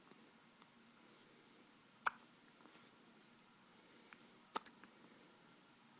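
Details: Infant daughter hiccuping: two brief, sharp hiccup sounds a few seconds apart in a quiet room; hiccups.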